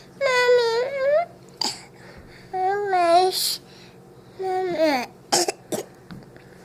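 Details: Voluntary fake cough: a young child says they need medicine for a cough and, when asked, gives several voiced, sing-song coughs that sound put on rather than driven by illness.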